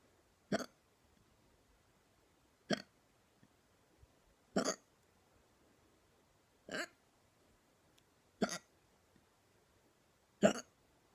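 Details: Painful "neck hiccups": six sharp, brief hiccups about two seconds apart in a quiet room, roughly thirty a minute.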